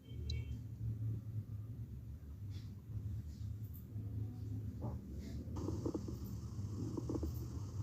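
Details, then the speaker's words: Teaching recording of abnormal lung sounds: low, rumbling breath sounds with scattered brief popping clicks, coarse crackles attributed to secretions or fluid in the airway. "sonido se debe a secreciones o líquidos dentro de la vía aérea"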